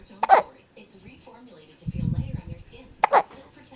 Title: Sleepy hiccups